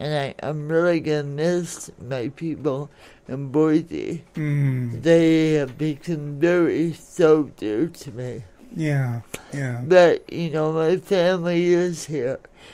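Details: Adult woman born in 1959 with lifelong cerebral palsy, which she attributes to oxygen being cut off to her brain during delivery, affecting her speech and motor skills; some listeners have difficulty understanding her; dysarthria (cerebral palsy).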